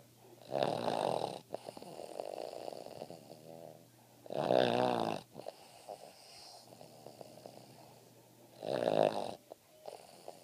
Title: Boston Terrier Gretzky Snoring